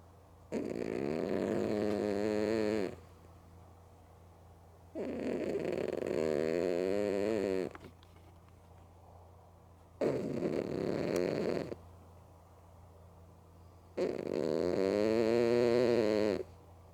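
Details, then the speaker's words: Cat snoring loudly while sleeping with both eyes open: four loud, long, rattling snores, about one every four seconds, each followed by a quiet pause. "You good girl You were snorin so loud You tired? You tired?"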